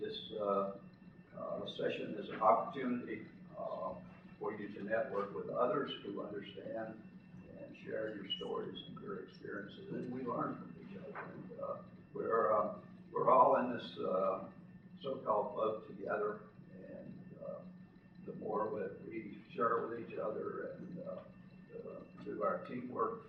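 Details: An adult man who lives with spasmodic dysphonia; spasmodic dysphonia.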